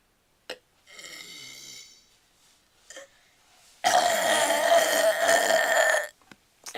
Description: Hey youtube this is my burping video the 6th or 7th i caint remember so yh thanks for watching and enjoy :D